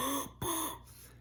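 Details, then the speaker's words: Vocal imitation of a very loud (grade "super loud") heart murmur, two harsh voiced whooshes, louder than the heart sounds; small-breed dog with myxomatous mitral valve disease; loud murmurs may have a palpable thrill. "versus a medium murmur where the murmur sounds are about as loud as the heart sounds like she do and then you have the super loud murmurs where it's just like"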